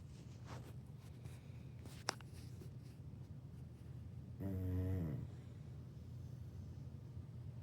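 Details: Two-year-old female dog snoring while asleep, a low rattling rumble with one louder buzzing snort, sounding like a chainsaw.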